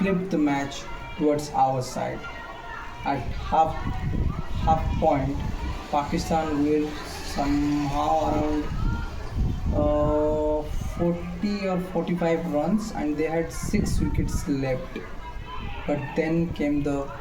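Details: Male speaker with self-reported stammer; phrase restarted after long pauses with voiced sounds; stuttering.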